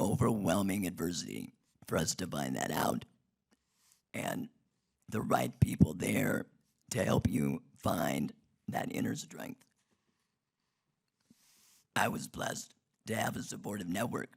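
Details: Adult man whose larynx was removed in 2016 due to long-term radiation damage from cancer treatment 19 years earlier, speaking with an artificial voice and breathing through a neck stoma; alaryngeal speech after laryngectomy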